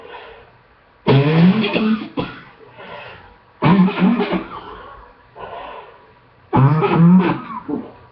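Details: Adult sick two weeks, cough improving on second round of antibiotics: three loud, deep coughs, each followed by a short trailing cough.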